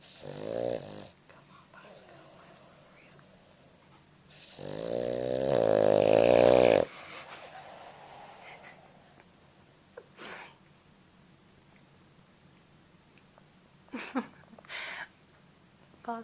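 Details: A sleeping Boston Terrier, filmed on a Flip Video camera, makes loud, rough, vibrating breaths with quieter snorts and sniffs between them and stays asleep; snoring.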